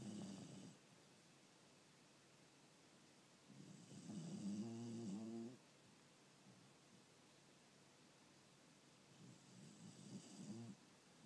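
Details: Sleeping dog snoring: three long, rough, rumbling snores with quiet pauses between them.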